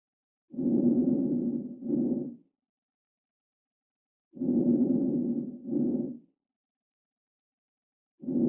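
Soft, muffled breath sounds at about 16 breaths a minute, consistent with diminished breath sounds.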